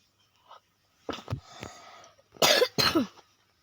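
Several short, harsh cough bursts with pauses between them, the last two louder and wetter, from a child who is unwell.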